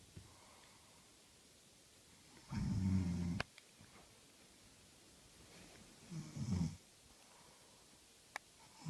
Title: My fiancee reading while snoring - mega funny